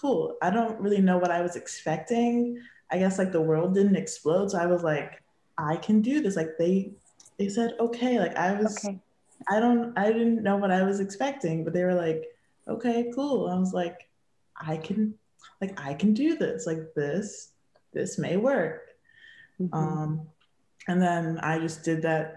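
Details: Young woman, a teen advisory council member, who has stuttered since growing up; stuttering.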